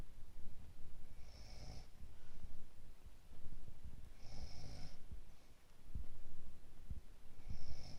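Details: Person with a cold snoring heavily: low rumbling snores with hissing breaths roughly every three seconds in a quiet room; snoring.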